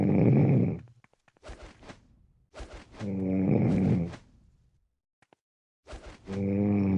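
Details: Heavy irregular snoring in sleep: loud, low, buzzing snores with snorting catches and short silent pauses between breaths.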